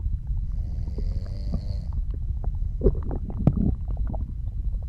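Low gurgles and rumbling over steady low noise, with a soft snore-like sound early on: ordinary digestion sounds.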